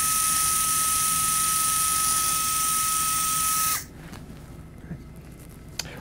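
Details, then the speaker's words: Stryker VariAx 2 plating of first tarsometatarsal joint: power driver's steady high motor whine for about four seconds, stopping abruptly as it seats a bone screw, giving three points of fixation on the plate. "the screw goes down we'll have three points of fixation on this plate already"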